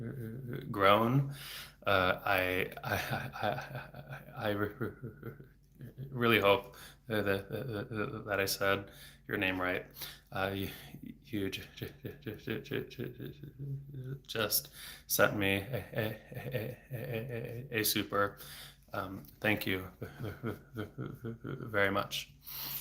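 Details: Adult man who has stuttered since age eight, about 26 years, with speech therapy off and on until his early 20s; not using fluency strategies here; he reports blocks with throat tension and frequent repetitions; stuttering.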